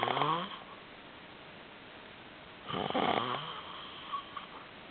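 Two loud rattling, buzzing breath sounds on inspiration separated by quiet pauses; snoring.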